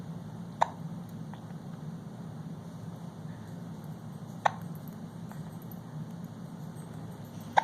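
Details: Almost 5-month-old infant sitting in a Bumbo seat: three brief, sharp hic sounds spaced several seconds apart over a steady low hum. Infant hiccups.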